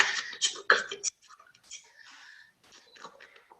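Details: Man, former smoker, laryngeal cancer diagnosed at 41 in 2003, laryngectomy with tracheostomy, voice prosthesis fitted in 2011, now 58; here not occluding the prosthesis: aphonic whispered speech after laryngectomy.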